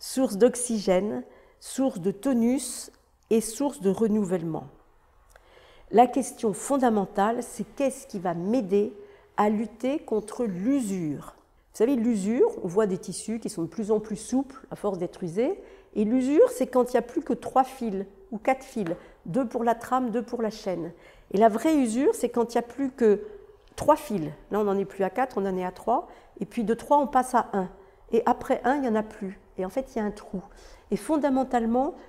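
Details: Adult woman; typical speech.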